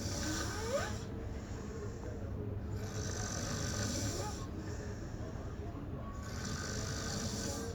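Rough, noisy breathing sounds repeating with each breath, over steady background hiss; snoring.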